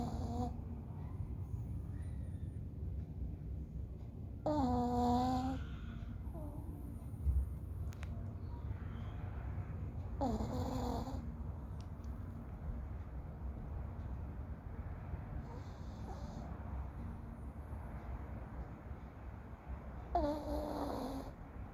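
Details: Sleeping animal snoring: soft, slightly whistling snores about every five seconds over a steady background hum.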